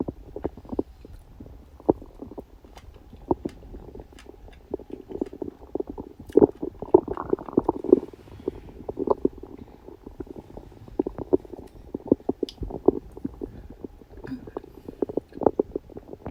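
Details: Stomach growling recorded on a birthday after eating cake: continuous bubbling, popping gurgles and rumbles for over fifteen seconds, normal bowel sounds (borborygmi).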